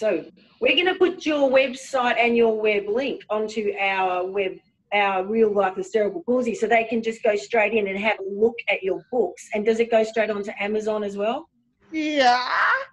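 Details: Adult woman speaking; typical speech.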